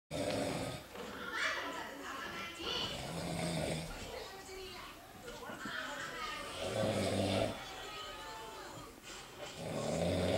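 Loud, rough snoring breaths recurring irregularly, roughly 19 a minute, with a noisy, vibrating quality over some room noise.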